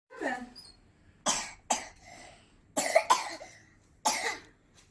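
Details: Young child who says he is a bit sick and coughing: five short, sharp coughs with a brief vocal sound at the start.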